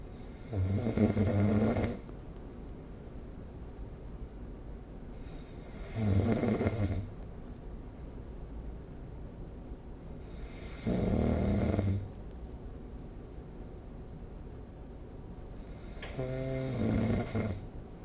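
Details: Snoring recorded during sleep with the SnoreLab phone app: deep, rattling snores on each in-breath, about 12 a minute, with quiet pauses between.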